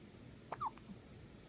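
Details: A single short, sharp voiced catch followed by a brief squeak-like sound; hiccups.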